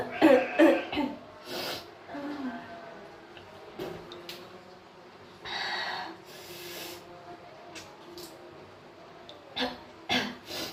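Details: Recurring cough during a cold: several short, harsh cough bursts with quiet pauses and faint room noise.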